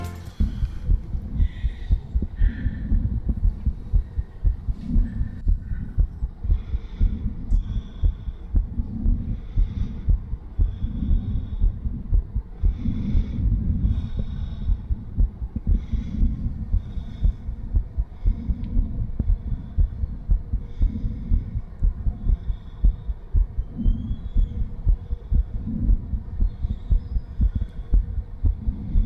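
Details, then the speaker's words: Woman with lipoedema and a diastolic heart murmur, heart auscultated after exercise (punching): fast, regular beat near 118/min, whooshing murmur more prominent than the distinct heart sounds. Heart murmur after exercise. "so it sounds it actually sounded quite different because you've actually noticed the murmur a lot more so rather than listening to the actual definite Bom Bom Bom you hear a lot more"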